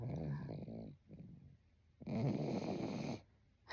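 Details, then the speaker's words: Snoring from a sleeping companion ("my sleepy baby", "she") heard in the background during a talk. "she's she's just not very enthused with my story um just my my sleepy baby"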